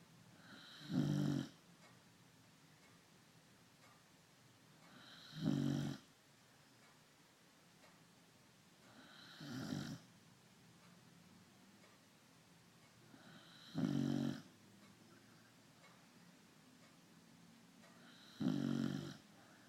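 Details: Woman snoring loudly: five rattling snores, about one every four seconds (roughly 14 a minute), with quiet breathing between them in a still room.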